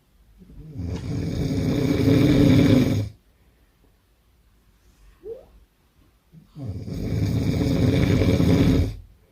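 Two long, loud, rough rattling snores with a quiet pause between them; heavy snoring.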